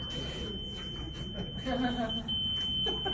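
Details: Steady high-pitched monitor alarm tone over room noise and murmured talk: a bedside monitor alarm during a cardioversion/pacing teaching demonstration after showing normal sinus rhythm.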